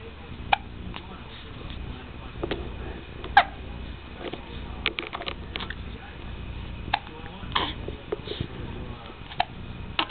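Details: Newborn boy, slightly over 2 weeks old, with hiccups again: brief, sharp hiccups recurring about every two to three seconds, four in ten seconds, over steady room noise.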